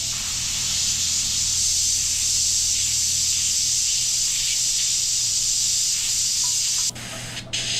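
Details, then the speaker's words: Steady hissing water spray from a dental three-way air-water syringe onto a Yirro-plus self-cleaning dental mirror viewed under 6x microscope magnification, as a stream or spray, ending with a brief airflow change. "And we'll go ahead and squirt a little water on our mirror. And you really don't get any water staying on that mirror, no matter whether it's a stream or it's a spray."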